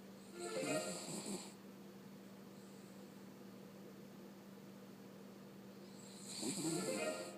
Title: Snoring dog